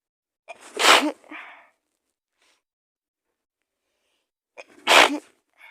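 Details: Acted sneezing roleplay of a girlfriend sick with a cold and fever lying in bed: two loud sneezes about four seconds apart, each with a quick intake before the burst.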